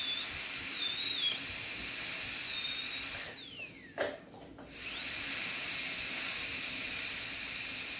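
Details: High-speed dental handpiece during anterior PFM crown preparation after basic reduction, as the margin is made: high-pitched whine briefly dropping in pitch while cutting tooth, then spinning back up.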